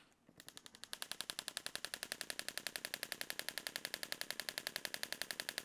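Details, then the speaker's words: Rapid regular sharp clicking pulses, about 8–9 per second, from a radial shockwave therapy device applied to a sensitive area of the Achilles tendon; radial shockwave therapy device in operation. "So all we're going to do is keep the shock wave in the same position and we're just going to move it slightly, angle the head slightly, find another area that's sensitive and we're going to aim for that six out of 10 again."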